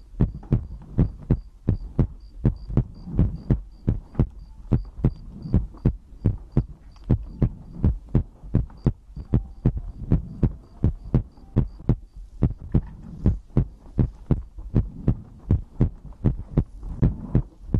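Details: ASMR recording of the creator's own heartbeat with breathing, from a livestream compilation: steady lub-dub heartbeat at about 95 beats a minute with faint high ticking in the background; normal heartbeat.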